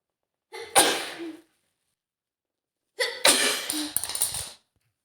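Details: Simulated dust-allergy sneezing by a young woman acting as a maid cleaning a dusty hotel room: two forceful sneezes, each with a short wind-up breath, in a quiet room.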